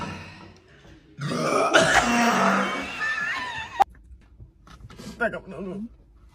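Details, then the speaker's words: Sprite challenge, drinking Sprite and trying not to burp: a long, loud, drawn-out burp followed by a shorter croaky one, with voices and laughter nearby. "Sprite challenge moments cup with straw collision. These burps are next level."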